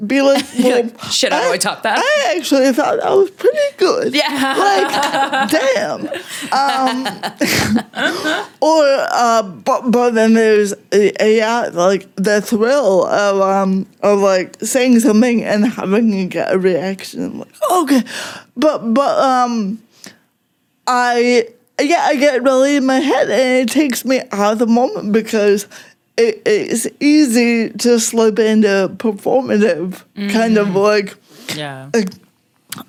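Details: Adult woman with cerebral palsy since childhood; it mostly affects her speech and makes talking harder, and also affects her fine motor skills and her walking slightly, with no mobility aid used; real, unacted speech showing dysarthria (cerebral palsy).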